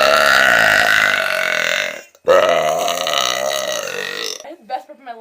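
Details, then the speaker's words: Person gives two long, loud, rumbling deliberate burps, the second longer, then brief breathing; afterward says they felt powerful, gave a headache and left a sore throat; burping. "holy smokes I like a lot of power out of me oh crap that was like headache giving"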